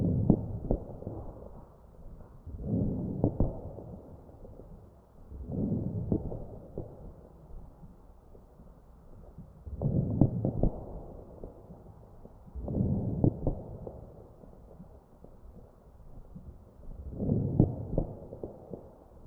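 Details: Real ventilated patient's chest: crackles.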